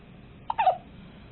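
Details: Baby hiccuping on the day of leaving hospital: a single short, sharp catch of breath with a brief voiced squeak against quiet room hiss; hiccup.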